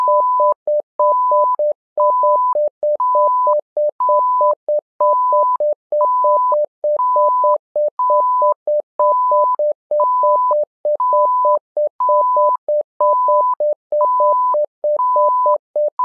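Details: Simulated patient monitor (SimMon) tones: steady electronic beeps, quick lower pulse tones interleaved with longer higher tones about 65 times per minute, in an alarm-like rhythm.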